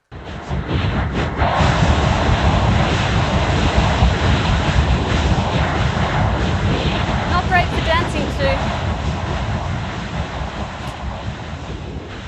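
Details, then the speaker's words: Cochlear implant simulation of a music track: harsh, noisy, rumbling music with no clear melody, simulating how a song sounds through a cochlear implant so the listener cannot identify it. "so i'm going to play you what is a cochlear implant simulation and i want you to have a good hard listen to this and tell me if you can pick which music track this is"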